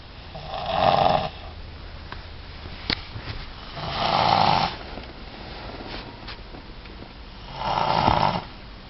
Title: Snoring